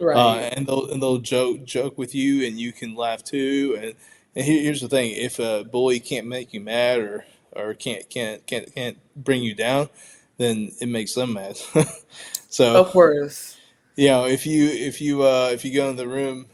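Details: Stuttering in an adult man who stutters: pronounced in childhood with blocks, and severity varies from day to day; repetitions are heard here.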